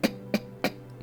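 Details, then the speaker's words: Person with Tourette's syndrome, officially diagnosed in 2008, makes a nasal phonic tic: three quick, sharp bursts of air breathed out through the nose over a steady background tone. "i also have a tick with my nose which is a very annoying one and, there's two actually, i usually breathe out air through my nose like like that."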